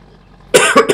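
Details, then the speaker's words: Short double cough, two sharp bursts from an adult playing Farming Simulator 19 who apologizes for the coughing; cough. "Bocs a köhögésért tényleg."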